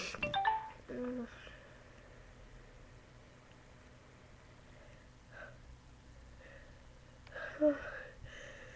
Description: Me trying not 2 sneeze but failing